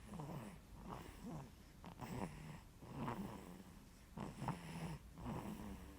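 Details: Sleeping baby: soft, rattly, rhythmic snoring with each breath, about 26 breaths a minute; snoring.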